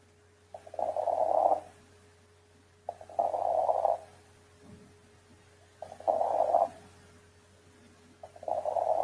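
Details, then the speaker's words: Pneumonic consolidation in a respiratory infection: harsh breath sounds about 25 a minute with short crackles at each breath; signs described are reduced air entry, crackles and bronchophony. "y la oscultación característica que son los signos de consolidación: disminución de la entrada de aire, la presencia de crepitantes y la broncofonía."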